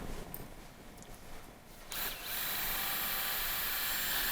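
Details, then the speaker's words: Surgical power drill driving the femoral guide pin into bone during combined ACL and anterolateral ligament knee reconstruction with TightRope II, pin in contact with cortex, length 55 mm; quiet room noise, then steady high whine. "55, I'm in context I'm in contact with the cortex. 55 and I will drill 20 20 mm."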